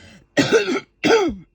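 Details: Adult coughing fit while recovering from a throat illness, throat still sore, on paracetamol: two short, harsh, rough voiced coughs with throat clearing.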